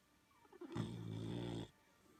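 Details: Boxer puppy asleep after a long day of playing gives a single drawn-out, buzzing, rough, fluttering snore about a second long: snoring.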